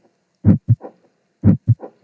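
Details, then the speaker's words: Simulated heart at about 60 beats a minute with a soft whoosh after the two heart sounds, heard at one auscultation landmark: heart murmur. "pathological murmurs are due to congenital or Belvoir defects specific valvular defects can be identified by their timing during systolic and diastolic and the auscultation region where they are heard you can definitely hear that whoosh sound at this point on this side of the landmark"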